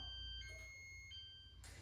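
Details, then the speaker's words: Prius Ai1 hospital bed exit alarm, zone 2, triggered when a patient gets ready to leave the bed: soft alternating electronic tones over low room hum. "it's at when somebody's getting ready to get out of bed, that's when the alarm will trigger. So I'll demonstrate that here. Now the alarm goes off for zone 2."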